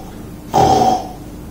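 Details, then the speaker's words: Young infant producing a brief, rough, snorting breath noise: stertor, a snoring-type noisy breathing, contrasted with stridor, whose commonest cause in young babies is laryngomalacia. "they can produce many types of sounds one could be nasal sound the other could be a snoring sound like this"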